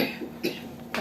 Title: Try this coke with ginger for cough